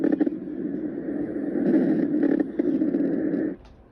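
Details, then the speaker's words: Coarse crackles on lung auscultation: loud, low-pitched bubbling crackles that start in early inspiration. "coarse crackles are loud low-pitched bubbling sounds that start in early inspiration"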